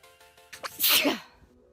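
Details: A short indrawn breath, then one loud, forceful sneeze, with faint background music; sneeze.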